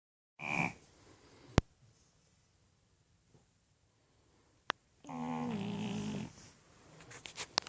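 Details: Male French bulldog asleep on a pillow: brief snorts and a drawn-out rattling snore between quiet gaps, with sharp clicks and movement noise; snoring.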